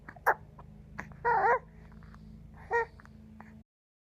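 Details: Infant boy with stridor (noisy breathing) who is awaiting a specialist appointment, with no tests done yet. High-pitched crowing noise on two breaths in: inspiratory stridor.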